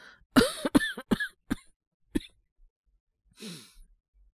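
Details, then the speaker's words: Acted cough by a male voice actor playing a young man with a cold: a run of about six short, forceful coughs, then a breath in. "なんか、昨日から結構咳が出てて、喉が痛いとかまではいかないんですけど。"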